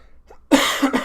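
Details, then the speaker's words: Adult live-streamer with a common cold gives two abrupt, harsh coughs in close succession in a small room after a brief quiet moment, while using cough drops; cough. "cough drop in here i'm gonna try and mute myself when i cough you probably will still hear it but the chat probably won't"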